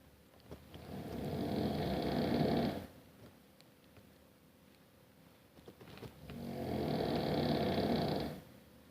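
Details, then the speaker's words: Adult man (husband) snoring loudly in bed at night: two long, loud, rattling snores on inhalation with a quiet pause between, in a small room; heavy snoring. "My husband is snoring. He's loud. Wondering how I'm going to sleep tonight."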